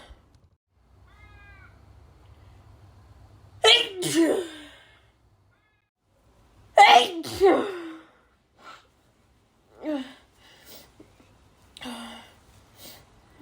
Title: loud harsh dust sneezes (f)